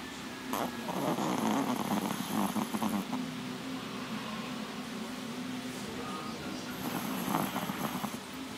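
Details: Low, steady rumbling snore with uneven rasping bursts over continuous room noise; snoring during sleep.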